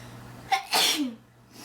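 A short catch of breath followed by one sharp, hissing sneeze; an ordinary single sneeze.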